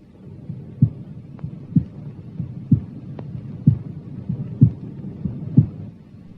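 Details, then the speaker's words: Healthy person at the cardiac apex: regular rhythm about 63/min with a clear, louder first sound and a second sound, no murmur; normal heart sounds. "прослушайте нормальные тоны в стандартных точках аускультации сердца на верхушке"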